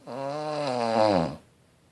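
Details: Snoring: a single drawn-out, tonal, whistling-groaning breath that rises slightly in pitch before stopping.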